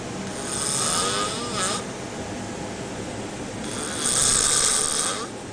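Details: Two loud, rasping, rattling inhaled snores from a sailor asleep on a boat at sea, over steady wind and water noise; heavy snoring.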